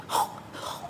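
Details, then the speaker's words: Infant with stridor given as an example of laryngomalacia: a brief, harsh, high-pitched noisy breath sound. "And strider లారింగ్ Malaysia example so దాంట్లోని పెద్ద పెద్ద sound"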